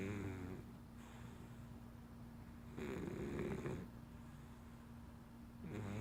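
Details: Snoring from a giant cat with giantism or acromegaly, sleeping under a blanket: soft, rhythmic snoring with a buzzing, purr-like quality on each breath, in a quiet room.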